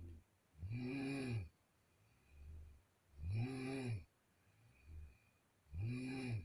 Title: the sound of my sister's snoring in the middle of night 😂 #my secret journal of sound #4